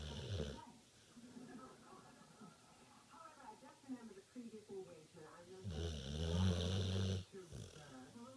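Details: A deep, buzzing snore at the start and another loud one later, with quiet breathing and faint background voices between: snoring.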